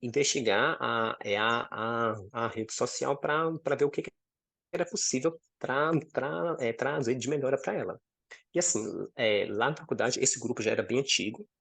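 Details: 26-year-old man with stuttering since about age 4–5, accepted at about 15 and now managed; stuttering.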